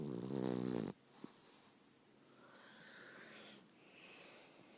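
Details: Sleeping cat gives one buzzing, fluttering snore, then breathes quietly in a still room.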